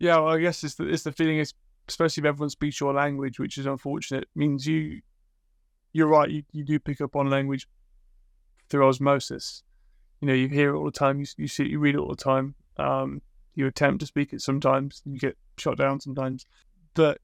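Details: Adult male speaker; normal conversational speech.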